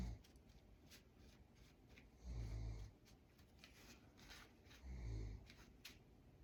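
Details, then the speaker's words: Snoring heard in the background while painting: two low, rumbling snores about 2.5 seconds apart, with small clicks and room noise. "I don't know if you can hear that snoring that's my"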